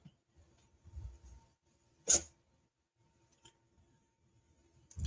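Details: A cat that habitually sneezes on waking from sleep gives one short, sharp sneeze in a quiet room; sneeze.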